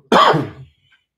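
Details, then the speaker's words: An adult recovering from a recent illness, unsure whether it was COVID, gives a single harsh, voiced cough of about half a second in a small room; laughing triggers the cough. "i know my cough is terrible and mine like i can't i can't laugh without coughing because it's just i hear it that little yeah it sounds like it's just that i don't like it i don't like it at all"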